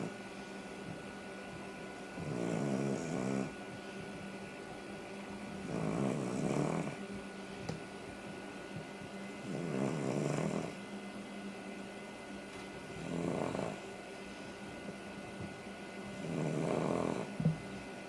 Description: My dog sleeps on her back and snores like a chainsaw...